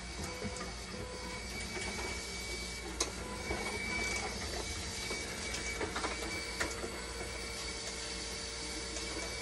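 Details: Hemodialysis machine running normally after bulb 31 was replaced to fix conductivity-high and flow error 1 alarms: a steady mechanical hum and whir with faint rhythmic clicking and a high steady tone, with no alarms.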